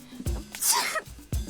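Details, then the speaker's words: A person sneezes once during a "last to sneeze wins" challenge, sneezing on their partner: a quick indrawn breath, then a sharp hissing sneeze burst, with faint music in the background. "What you just did? Sneeze? You sneezed on me?"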